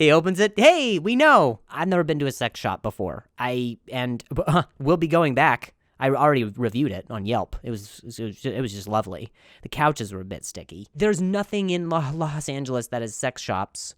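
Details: Adult man who stutters; stuttering.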